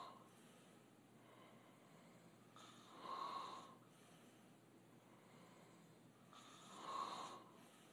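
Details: Two slow, rough open-mouth snoring breaths about four seconds apart over a quiet hiss, roughly 15 breaths a minute, from young men asleep.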